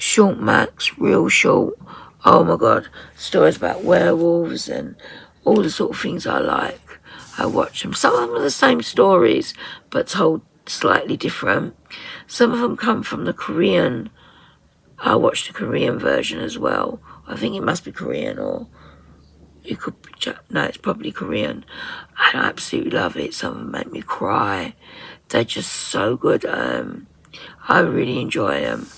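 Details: 57-year-old woman with voice dysphonia from very tight, stressed laryngeal muscles, beginning after COVID pneumonia and also affecting swallowing; ENT found mucus and a laryngeal infection; in speech therapy; voice distorted, sometimes lost; muscle tension dysphonia.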